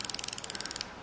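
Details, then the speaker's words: Rapid, evenly spaced ratchet clicks as an insulin pen is wound and pushed to fill a Medtronic 530G pump reservoir for a young boy with type 1 diabetes; insulin pen winding clicks. "okay we're gonna push down on the back of the pen and you can see the reservoir slowly starting to fill out and one wind it again and push it down again and"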